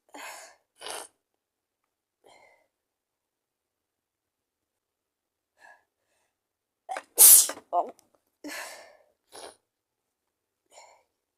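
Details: Sneezing with a cold: a sharp, loud sneeze burst with softer breathy sounds before and after, in a quiet room.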